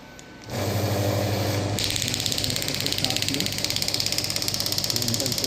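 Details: A loud hum, then rapid regular mechanical clicking at about 200 per minute: a Biotronix pneumatic radial shockwave therapy device firing pulses, demonstrated on a hand at low intensity (about 4–6 bar, up to 12 bar).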